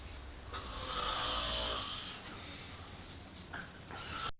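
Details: Adult man snoring while asleep during a fishing trip.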